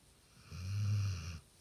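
A single deep, low rumbling snore lasting about a second on a quiet background.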